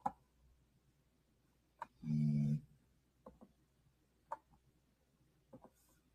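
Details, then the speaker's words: A single low, rumbling snore from a sleeping dog in a quiet room, with a few soft clicks and taps around it. "Sorry if you can hear my dog snoring."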